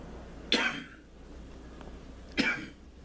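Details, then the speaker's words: Deliberately demonstrated "healing" cough: two short, harsh single coughs about two seconds apart over a steady low room hum; cough. "the coughing shapes the earth which is the physical like a knife carving"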